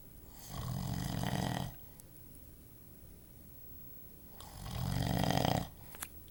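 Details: Snoring during sleep: two long, deep, rumbling snores with a quiet pause between them, slow and regular breathing.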